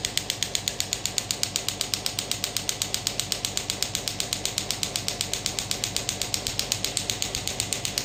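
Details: Biotronix pneumatic radial extracorporeal shockwave therapy device (ESWT) demonstrated on a hand, then off the hand at maximum intensity: rapid, very regular sharp clicking pulses, roughly 95 a minute.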